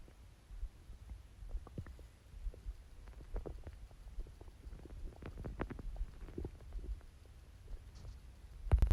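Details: Watery stomach growls, quieter than usual: soft low gurgles and bubbling rumbles that come and go over a quiet hiss, ordinary borborygmi.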